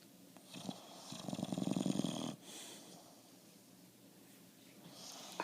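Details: Bulldog giving a loud, rattling, fluttering snore on the in-breath, then quieter breathing in a small room; snoring.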